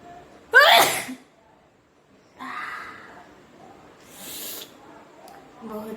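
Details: Deliberate sneezing challenge: one loud, explosive sneeze with a sharp voiced onset, then quieter breathy sounds and faint room noise; an ordinary sneeze.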